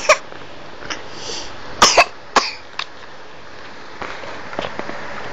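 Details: A cat gives about five short, sharp, dry coughing bursts in a quiet room: coughing.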